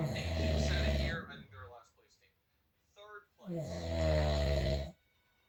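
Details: Two loud, rough, low rattling snores on breathing in, separated by a quiet pause; ordinary snoring from a sleeping adult man who denies snoring.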